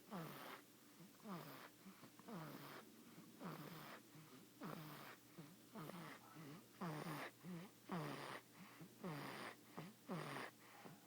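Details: 5-week-old snoring: quick, regular snorting snores with falling pitch, about 54 a minute, in a quiet room; rapid snoring.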